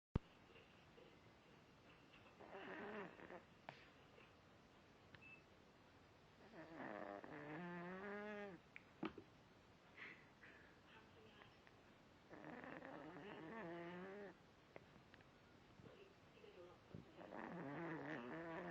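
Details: Cat snoring while asleep, said to be as loud as a person: soft, regular snores with a fluttering, whistly tone at slow intervals, about four in the clip, quiet room.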